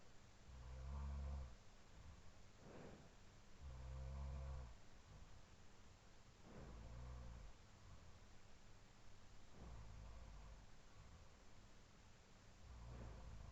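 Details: Adult housemate snoring during sleep, recorded around 4:17–4:20 AM, looped: low rumbling snores about every three seconds over quiet sleep breathing and faint room hum.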